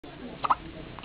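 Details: Hiccup: a single brief, sharp double-catch sound over a quiet background.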